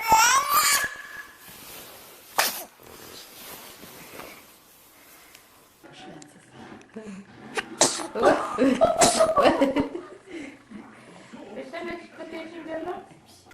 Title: Baby sneeze compilation || Lustige Videos#23